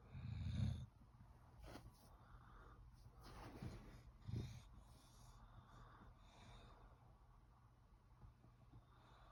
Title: Look mom I can sit up and sleep and snore loud too #shorts #shortsfeed #shortvideo #englishbulldog